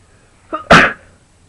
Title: a couple of sneezes